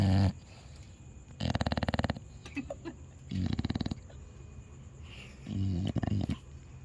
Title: A dog is snoring loudly